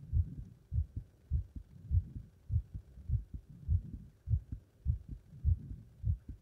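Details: Normal heart sounds after leapfrog exercise: regular, quick heartbeat at about 100 beats a minute with clear paired thumps.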